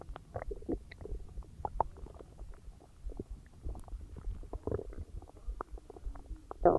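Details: Loud but ordinary bowel sounds (borborygmi) after a huge meal: frequent low gurgles and rumbling bursts from the abdomen as it digests.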